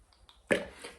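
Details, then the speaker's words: An adult man with Tourette syndrome demonstrates a tic he has worked to redirect: a few faint clicks, then a sudden short voiced burst that fades; a simple vocal tic. "this tick and i've had to put a lot of energy and effort into redirecting it and changing it the tick is this"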